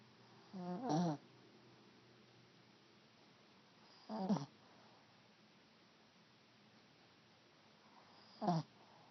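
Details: Snoozing and snoring: three short, soft snorting snores about every four seconds, roughly 15 a minute, in a quiet room; ordinary sleep snoring.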